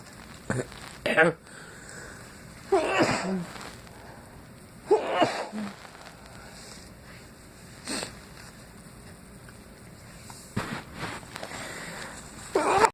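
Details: Random sneezing fit of unknown cause after a stuck sneeze finally came out: four or five explosive sneezes a few seconds apart, each a sharp burst with a short tail, over steady room noise.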